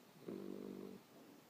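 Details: A single buzzy, tonal snoring breath lasting under a second in a quiet room, from a sleeping animal.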